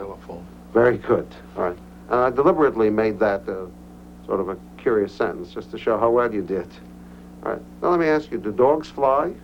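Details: Adult male clinician speaking; normal speech.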